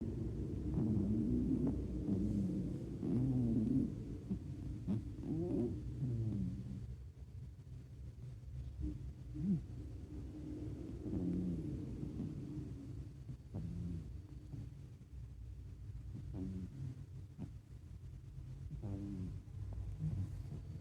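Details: Sleeping black-and-white tuxedo cat snoring: soft, low rumbling breaths, a gentle snore that comes and goes with each breath.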